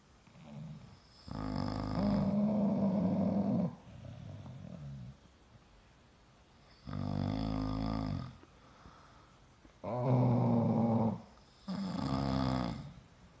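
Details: Sleeping bulldog and owner snoring in unison: loud, rumbling inspiratory snores every few seconds with softer out-breaths between, typical flat-faced dog snoring.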